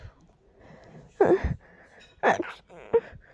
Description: I was trying to keep them as quiet as I could. It's fairly short cause I couldn't hold them in for any longer than that 😅